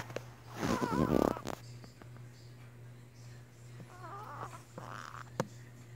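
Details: A sleeping small pet gives a loud snorting snore with whistling, wavering nasal tones, then a softer one; snoring.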